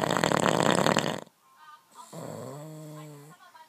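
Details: Husband's habitual snoring during sleep: a loud harsh rattling snore on an indrawn breath, followed by a quieter humming sound as the breath continues.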